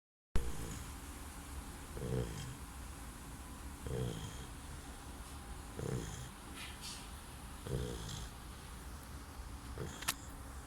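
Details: Bernese Mountain Dog puppy snoring in sleep: soft, rhythmic rattling snores about every two seconds, around 30 a minute.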